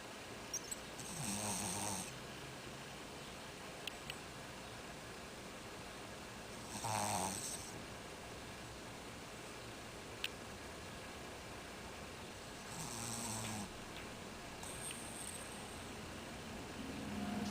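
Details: Dog snoring during a long nap: three loud, rough snoring breaths a few seconds apart in a quiet room.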